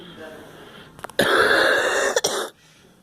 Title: I am coughing